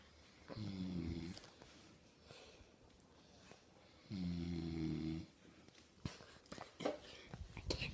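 Two deep, vibrating snores about three seconds apart with soft breathing between, then faint room noises; ordinary adult snoring.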